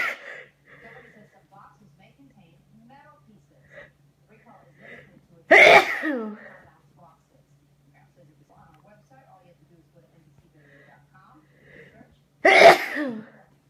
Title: More sneezes. I was fine this morning!